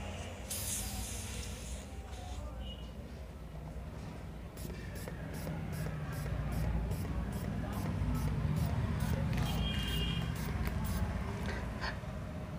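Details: Manual blood pressure cuff inflation for a home BP check with a manual mercury BP instrument: rapid regular squeezes of the hand bulb with hissing air, over steady room noise.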